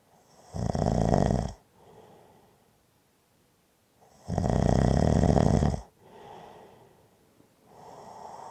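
Deep, rough snores on each in-breath, roughly every four seconds, separated by soft exhalations.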